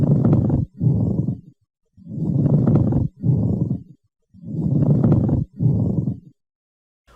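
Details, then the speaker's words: Pleural friction rub in a lung auscultation teaching example: loud, rough, leather-like grating creaks in both inspiration and expiration, which may cause palpable fremitus and are usually heard best over the lower posterior thorax. "o som é alto Rute e pode gerar frêmito lembro friccionar de couro e pode ser simulado ao colocarmos uma mão sobre o Pavilhão auricular e esfrega-la com a outra geralmente é mais escutado nas regiões inferiores e posteriores do tórax ocorre tanto na inspiração como na expiração"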